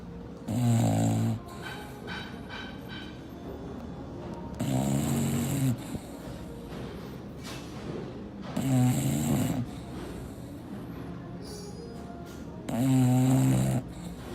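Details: English bulldog asleep, snoring: four loud, rattling snores in about 14 seconds, roughly 16 breaths a minute, with soft background music.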